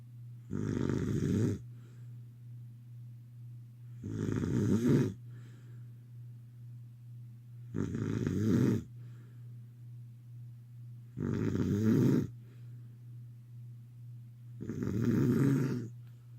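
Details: Woman snoring during sleep: regular loud rattling snores on each breath, about 17 a minute, quiet between, with a steady background hum.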